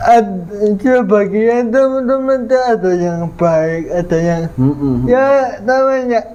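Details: 22-year-old man with cerebral palsy (physical disability), linked to a difficult, delayed delivery at birth; dysarthria (cerebral palsy).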